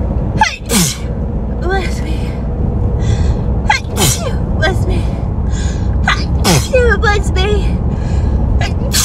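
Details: Hay fever sneezing: a run of several forceful sneezes with sharp bursts and gasping in-breaths, over a steady background rumble like a vehicle.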